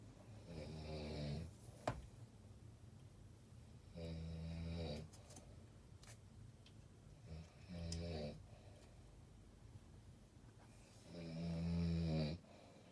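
Four deep, rattling snores on each breath in, about 18 a minute, over steady room hum.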